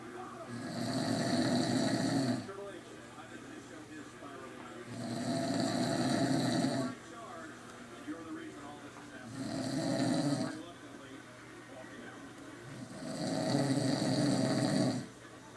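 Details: Elderly man (grandfather) snoring: loud rattling snores on each inward breath, four in about 15 seconds, roughly 16 breaths a minute, with quiet pauses between.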